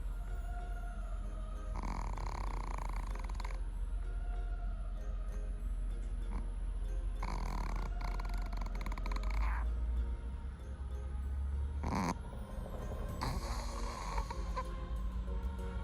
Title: ЧиаХуа храпит как мужик🤣 My Chihuahua snores like a man #собака #топ #чиахуамини #суперсобака #cat